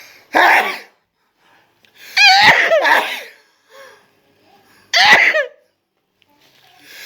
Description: Anyone who sneezes less wins!